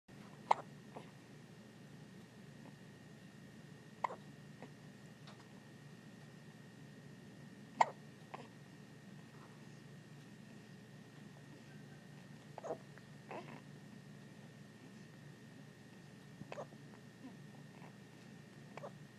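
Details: Baby being held on his birthday with hiccups: soft, sharp hiccups at irregular intervals, about eight a minute, over a steady background hum.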